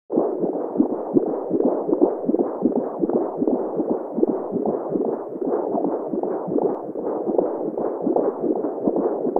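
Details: Fetal heartbeat on Doppler ultrasound, sonogram sound effect: rapid whooshing pulses at about 160 per minute.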